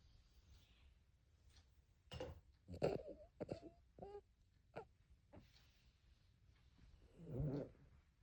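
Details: Cavalier King Charles Spaniel snoring while asleep: irregular snorts and short whistling squeaks through the nose, a light snore.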